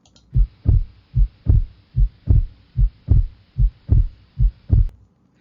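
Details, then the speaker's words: Normal heart sounds in an anatomy and physiology lecture example: regular low lub-dub pairs, about 74 beats a minute, the dub from semilunar valves snapping shut as the ventricles relax. "Now that was a normal heartbeat, but sometimes the valves don't close as quickly as they should, or they don't close completely and we get a bit of leakage of blood."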